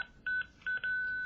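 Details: Defibrillator charged alert tone from a Zoll X Series monitor connected to a SimMan simulation manikin, a simulated patient, not a real one.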